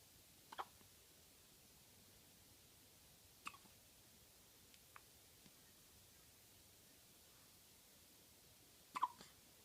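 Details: Soft, brief hiccups on the fourth day of hiccups, recurring every few seconds in a quiet room, about four in ten seconds; hiccups.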